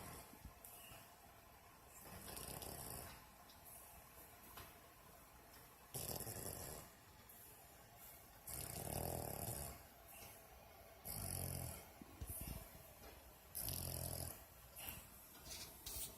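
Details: A female dog asleep and snoring like a person, with soft, low, rumbling snores repeating irregularly about two dozen a minute over faint room noise; her lips move at times as if dreaming.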